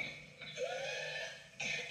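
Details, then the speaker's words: Pertussis coughing spell: harsh cough bursts with a drawn-out, high-pitched inspiratory whoop between them; whooping cough paroxysmal cough. "e empieza a toser cinco veces seguidas pas pas pas pas pas y al terminar que se le acabe el aire intenta meter el aire y se cierra este tubito por donde respiramos"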